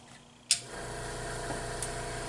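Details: Portable suction machine switched on for tracheostomy suctioning (simulated skills competency), catheter end occluded to check pressure, found set at 20, too high: a click, then steady motor hum and hiss.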